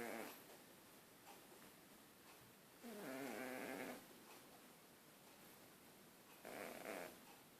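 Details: Cat snoring while asleep: soft, rhythmic, buzzy snores about 18 a minute, each lasting around a second, in a quiet room.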